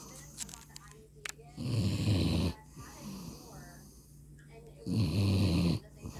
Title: German Shepherd SNORING!!!!